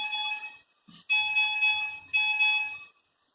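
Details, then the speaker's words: Simulated apnea alarm on a non-invasive ventilator during an ICU teaching demonstration: high repeating electronic tones signalling no breaths detected within the set apnea time (typically programmed around 20 seconds). "nós temos também o alarme de apneia geralmente a gente programa entre 20 segundos e segundos né seu paciente não fizer nada ele também vai me demonstrar que eu não tô tendo respiração sequência Eu tenho 21"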